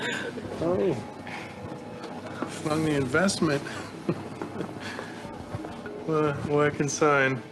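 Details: Patient with Wernicke's aphasia after brain damage; Wernicke's aphasia (fluent aphasia).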